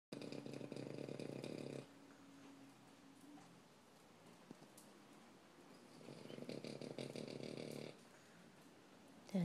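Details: A sleeping Shorty Bull dog snoring heavily: two loud, harsh, buzzing snores about 6 seconds apart, with a soft whistle between.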